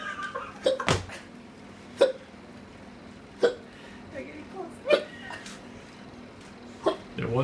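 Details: Five abrupt, sharp, gulping hiccups about one every 1.5 seconds, with talk around them; hiccups.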